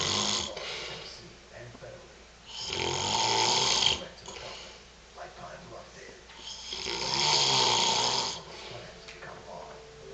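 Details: A father, described as a very heavy snorer, asleep: loud, rough snores on each breath in, two in ten seconds, with quieter breathing between; heavy snoring during sleep.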